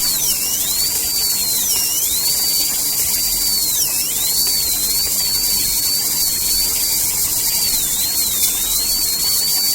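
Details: Dental drill during root canal treatment of curved canals: a steady high-pitched whine, its pitch dipping briefly under load.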